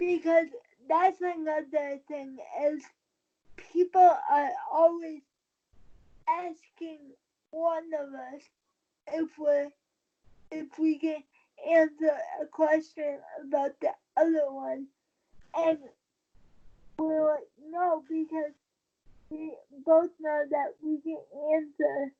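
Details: Dysarthria in a 23-year-old woman with cerebral palsy since birth after premature birth at 27 weeks. She uses a wheelchair, has no balance and a tight body. She believes her prematurity probably affects the stability of her speaking.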